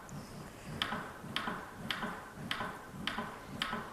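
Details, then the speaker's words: Simulated CPR on a training manikin during an AED demonstration, with compressions resumed immediately after the shock: steady compression clicks at about 110 a minute. "you're going to continue CPR right away um you can continue CPR as soon as that shock is delivered so immediately hands on"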